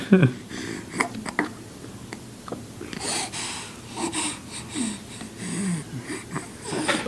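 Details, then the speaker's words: Baby with tracheomalacia, present since birth: repeated noisy, rattly breaths, louder on breathing in while lying back, quieter when lifted up, from a floppy windpipe that collapses more easily when lying down. "that's the trachea this this tube that takes air down to our lungs in some babies it's a little sloppy so you can imagine when you're laying down it collapses on itself a lot easier"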